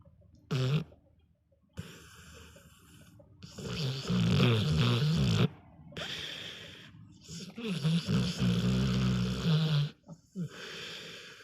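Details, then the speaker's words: American Staffordshire terrier in deep sleep, possibly dreaming: loud, irregular rumbling snores with snorts and pauses. Snoring. "That was a big one. Oh. Oh, this is a serious dream."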